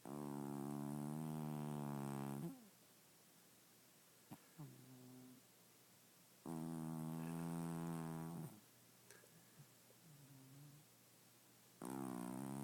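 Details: Cat snoring, said to snore all the time and get loud: long, droning, buzzing snores on the in-breath, roughly every five to six seconds, with quiet breathing between; recorded in the dark.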